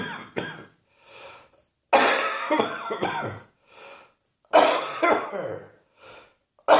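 Repeated bouts of harsh coughing, several coughs per bout, separated by audible indrawn breaths; a coughing fit.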